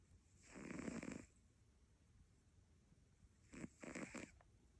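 Soft rattling snores from a sleeping cat, one long and a couple of shorter ones, over quiet room noise.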